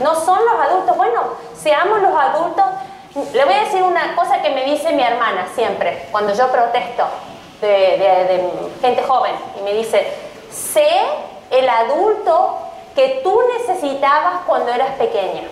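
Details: Adult woman speaking Spanish; normal voice.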